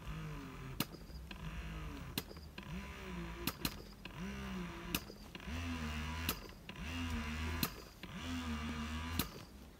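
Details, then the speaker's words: Philips electric double breast pump, used by a new mother for about three months, running at a high suction level: rhythmic motor hum rising and falling with clicks about 45 times a minute; breast pump suction cycle. "Terus yang berikutnya lagi makin kenceng tapi sedotannya tuh makin tinggi, sama yang paling tinggi banget sedotannya. Jadi sedotannya tuh berasa banget."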